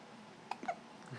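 Two quick, soft hiccup-like catches in a baby's breathing; ordinary infant hiccups.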